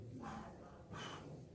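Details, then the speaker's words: Vocal imitation of the blowing pansystolic murmur of mitral regurgitation: two breathy blowing puffs. "البان سيستوليك مرمر مالت الماتر ريجارد هو بلونج، يعني البلونج شنو؟ ينفخ الصوت يعني هو هيك يجي."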